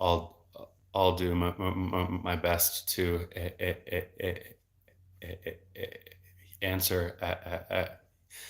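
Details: Adult male speech-language pathologist who has stuttered since about age eight and had speech therapy from then until his early 20s; repetitions and blocks are heard; stuttering.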